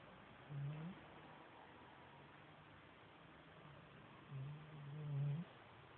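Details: Snoring from a sleeping Chocolate Labrador dog: low, rumbling snores, two clear breaths a few seconds apart, over steady background hiss.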